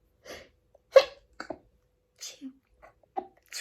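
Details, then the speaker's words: Short stifled sneezing fit: several brief muffled sneezes with pauses between, the sneezer announcing a sneeze is coming. "i'm gonna sneeze sneeze and again"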